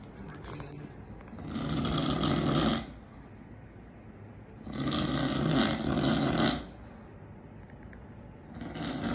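Loud, rough, rattling breaths recurring about every four seconds, with quieter breathing between: snoring.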